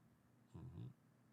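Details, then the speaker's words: Bella, a sleeping pet, snoring on a live stream; a single low, rumbling snore under half a second against quiet room noise. "You can hear Bella snore from your house. Her motor is running."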